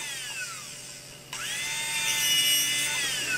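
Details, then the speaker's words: Dental handpiece spinning up and running steadily as a fine finishing bur trims the margins of a hardened, relined polycarbonate temporary crown (B-crown) and smooths it. "so we now trim it the margins are able to be seen and we gently go with a fine finishing Burr smooth it down"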